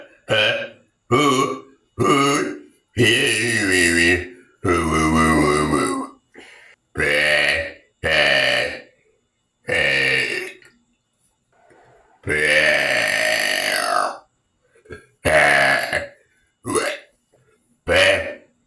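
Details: About a dozen loud, deep, drawn-out burps in a row, some long and croaking, separated by short pauses; deliberate burping.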